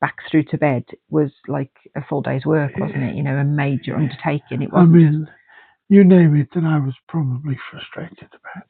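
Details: Adult speaker (caregiver); typical speech.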